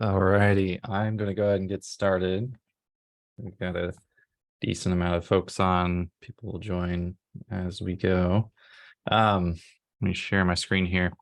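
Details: Adult man speaking; normal speech.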